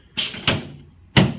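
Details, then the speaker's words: Three sharp thuds as a chiropractor adjusts an adult man's sacrum in the center, then the right SI joint. He has low back tightness and a positive left Derefield Thompson-technique reading. "Okay, now I'm going to adjust his sacrum right in the [Music] center."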